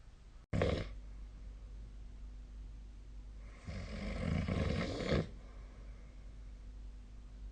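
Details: Adult snoring during sleep, recorded 2025/02/24: a short loud snort, then a long, rough, rattling snore on a single breath.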